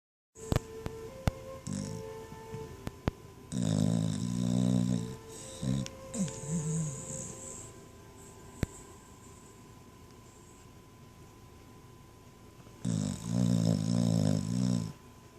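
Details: Sleeping dog snoring loudly: rough, rattling snores come in bursts separated by quieter breathing, with faint background music throughout.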